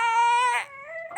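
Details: Newborn baby crying after a hospital injection in both legs, later feverish: a brief, loud, high-pitched cry with a falling wail.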